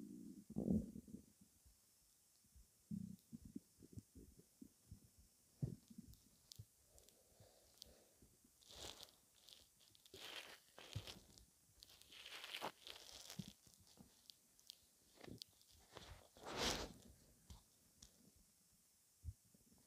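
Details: Gassy belly: irregular low gurgles and rumbles with scattered soft squelches in a quiet room, bowel sounds (borborygmi).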